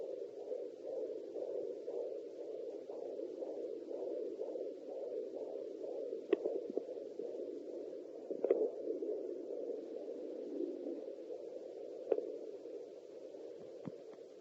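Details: Fetal heartbeat heard by an expectant mother in her third pregnancy on a home pocket fetal Doppler with a 3 MHz probe: rapid, regular whooshing pulses at about 140–150 a minute, with occasional probe clicks.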